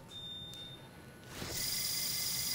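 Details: Brief high electronic beep then rising hiss of an intraoperative X-ray exposure during percutaneous screw fixation of a non-healed Jones (fifth metatarsal) fracture in a 45-year-old woman; X-ray exposure beep.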